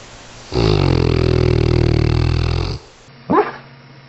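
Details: Dogs sleeping in a compilation of clips make loud snoring sounds: snoring.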